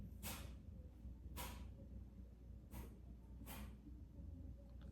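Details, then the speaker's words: A pet rabbit sneezing: four brief, sharp snorting bursts about a second apart, over low room hum. "Um please excuse my rabbit if you hear her"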